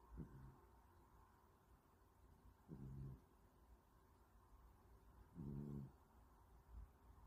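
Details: Sister snoring while sleeping with her eyes open.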